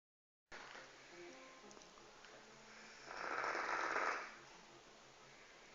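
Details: Felix, a 1-year-old rescued dog, sleeps and gives one rough, breathy snore against faint music and quiet room noise.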